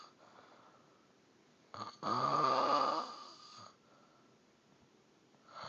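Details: Snoring: a single loud, rough snore on an in-breath lasting about two seconds, followed by quieter breathing in a small room.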